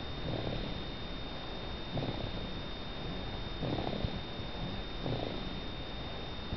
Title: Snoring Withy Ruby